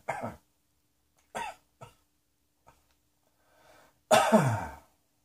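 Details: Several separate coughs and throat-clearing bursts, ending with a longer harsh cough, in a quiet room.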